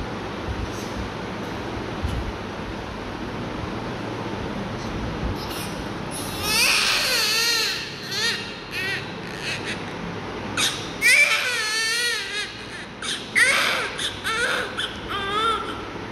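Quiet room hum, then repeated high-pitched newborn cries in short bursts with breaths between; an ordinary healthy newborn cry.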